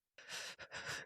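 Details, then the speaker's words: Adult getting over a cold with a stuffy nose deliberately imitates loud, airy open-mouth breaths, mimicking the heavy mouth breathing of a blocked nose. "I'm getting over a cold. I have a stuffy nose and there's going to be some mouth breathing and I [laughter] hate I hate it because even if you can't hear it, you'll be talking and all I do is see the image of myself going [laughter]"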